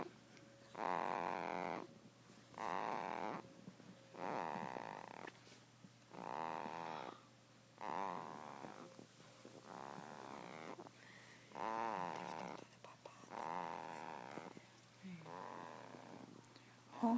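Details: Female dog named Jade sleeping and snoring; the owner says she is surely drooling. Rhythmic, fluttering, rattling snores about every two seconds. Snoring.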